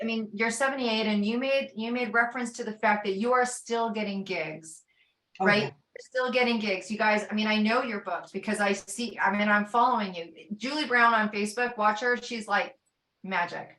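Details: Adult woman speaking (interviewer); normal voice.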